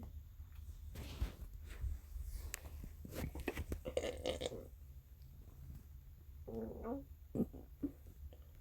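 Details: Low rumbling and gurgling gut sounds from a dog's belly; stomach growling, borborygmi.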